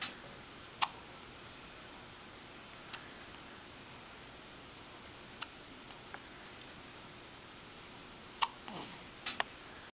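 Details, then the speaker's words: Newborn girl a little under seven hours old, her first hiccups outside the womb: about five soft, brief, sharp clicks at irregular intervals in a quiet room; newborn hiccups. "She's got some Killer hiccups her First Hi up's outside of the"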